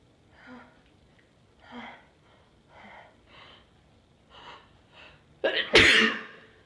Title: breathy hitching and sneezes